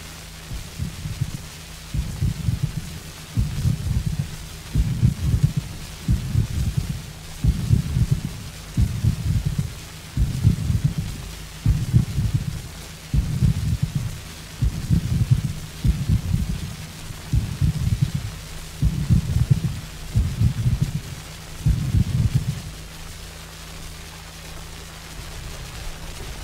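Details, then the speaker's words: Bigeminy from a 1957 medical encyclopedia heart-arrhythmia recording: each normal heart contraction is followed by a premature extrasystole, heard as heart sounds in coupled groups. "при экстрасистолии типа гемини за каждым нормальным сокращением сердца следует преждевременная То есть экстрасистола"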